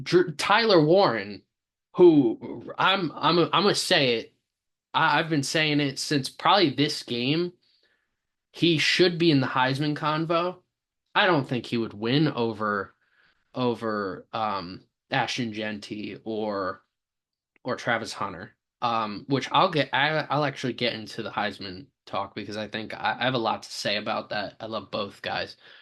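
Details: Stuttering in a male sports podcast host who says he has a stammer; repeated words and part-words are heard.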